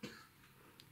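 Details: Cough from an adult man with a cold, coughing and sneezing all night: a single short, muffled cough in the background of a quiet indoor room.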